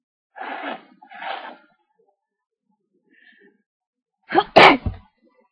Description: I was asked to sneeze into a duster, so here's a short clip.